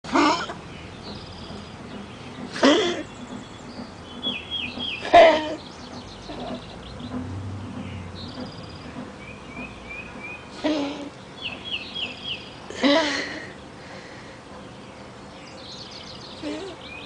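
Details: Geriatric pug dog, female: about five harsh, separate coughs with rough, noisy breathing, birds chirping outside; wheezing cough.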